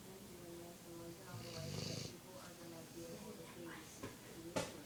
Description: This is my dog angus snoring loudly!!!